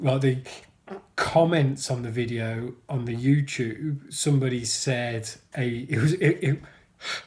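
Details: Stuttering (stammering) with blocks in an adult man who describes himself as a person who stammers.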